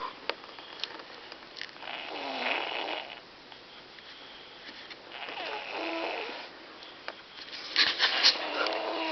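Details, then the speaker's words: Little boy sleeping; loud rasping snores like sawing logs, recurring with breathing and separated by quieter gaps over a hissy room background; snoring. "Sounds like a freight train. He's sawing logs."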